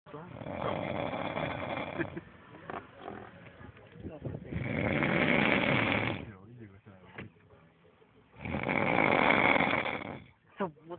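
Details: Loud, harsh, rattling snores, three long breaths over about eleven seconds with quieter breathing between; person snoring.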